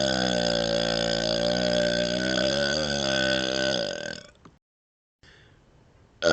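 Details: Person burping while moving the tongue outside the mouth and licking; one long, loud, rumbling belch of about four seconds, wavering in pitch before trailing off.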